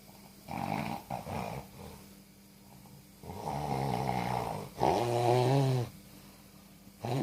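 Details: Rhythmic low, rattling snores on each breath, with soft whistling tones in between, in a quiet room; snoring.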